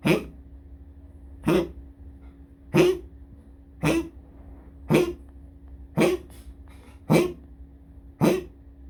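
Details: Dog coughing in the toilet before going to pee: eight short, harsh coughs about a second apart over a low, steady room hum.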